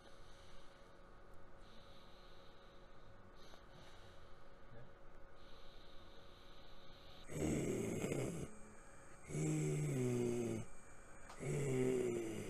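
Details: Idiopathic left vocal fold paralysis with no recovery after 6 months, before injection thyroplasty; large phonatory gap with frequent breaths and supraglottic squeeze compensation; breathy dysphonia from unilateral vocal fold paralysis.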